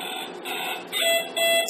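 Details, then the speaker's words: Power-failure alarm of a Pumani bubble CPAP machine on a baby, demonstrated deliberately. The machine stops running, its green indicator light goes out, and the alarm sounds about ten seconds later: repeated, steady electronic tones over faint room noise. "so if the power is lost come on you'll hear it no longer running and you'll also see that the green light the indicator light here on the corner is no longer lit those are ten seconds away before an alarm begins to sound"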